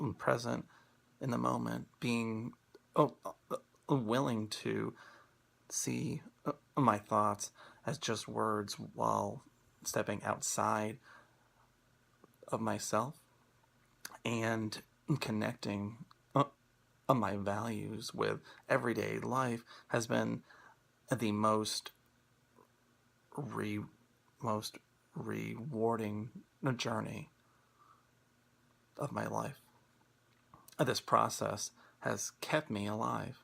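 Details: Person who stutters, speaking on International Stuttering Awareness Day 2016 about acceptance and commitment therapy (ACT) for stuttering; repetitions and block-like pauses; stuttering.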